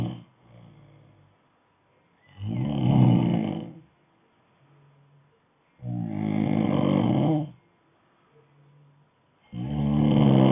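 Loud, rough rattling snores on each breath in, with quiet breaths out between them. About 16 breaths a minute.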